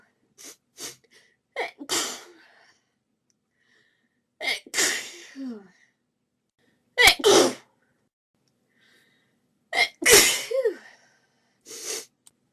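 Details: Compilation of rapid sneezing fits: repeated bursts of sharp sneezes, several in quick succession with short gasping intakes between; sneezing fit.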